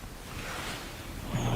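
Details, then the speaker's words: Normal vesicular breath sounds heard through a stethoscope on the chest while the patient takes deep breaths in and out through the mouth: soft, low rushing airflow. "so this is a this an example of normal breathing sign"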